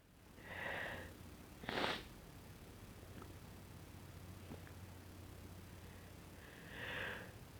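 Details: Two deliberately induced sneezes from a very sensitive nose, with a sharp sniff between them, in a quiet room; the sneezer wonders whether they may be getting sick.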